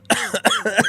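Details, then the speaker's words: An adult streamer who is ill, on antibiotics and steroids and apologizing for wheezing, gives a quick run of about four voiced, harsh coughs in under a second; cough. "Sorry for the wheezing, guys."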